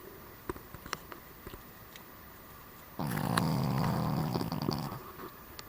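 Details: Cavalier King Charles Spaniel resting: quiet clicks, then a couple of seconds of low, buzzing, fluttering breath sound; snoring.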